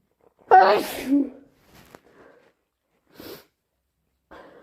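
One loud sneeze with a sharp in-breath and explosive burst, then a few quieter breathy sounds; a single sneeze, here from hay fever.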